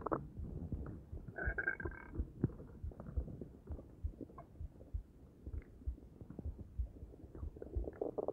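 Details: Stomach gurgling after eating an omelet, coffee and Arizona green tea: low, irregular gurgles and rumbles with a few higher squeaky bubbling sounds; bowel sounds.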